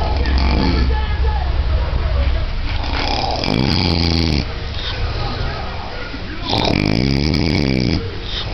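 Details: Adult man asleep after about 32 hours without sleep: loud, rough snores with a rattling low flutter on each breath in, quieter breathing out; heavy snoring.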